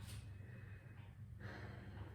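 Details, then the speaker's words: Lung auscultation over the lower chest (vesicular area) during a respiratory exam, checking for adventitious sounds: deep breaths on request, an audible breath then a longer one, over low hum. "Now we'll be checking vesicular, which will be in the lower part. Deep breath in."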